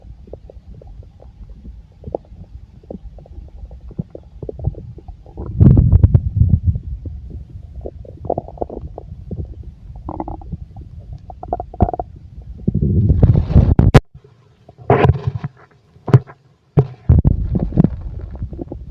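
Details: Full stomach: loud gurgling and rumbling from the belly in irregular bursts with squelching pops; ordinary bowel sounds.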